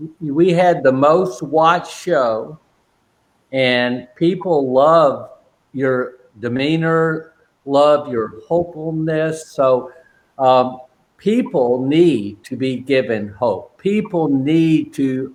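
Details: Adult man with aphasia since a stroke during heart valve surgery in 2007, at first limited to single words, now non-fluent with repetitions and filler words; non-fluent aphasia.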